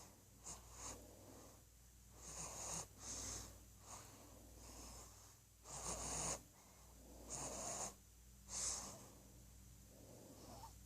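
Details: A sleeping 1-month-old infant, described as snoring, makes soft, irregular snorting breaths with a high whistly edge on several breaths: noisy breathing.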